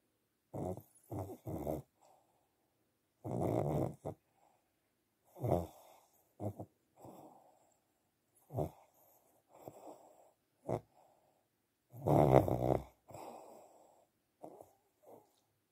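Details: Sleeping pug (flat-faced dog): irregular snorting, rattling snores in a quiet room, some short and some drawn out; snoring.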